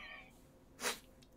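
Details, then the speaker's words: A single short, sharp cough in a quiet room from an adult with asthma, while live streaming. "yes as you can hear by the coughing yes it's it's a fun thing to be while also streaming"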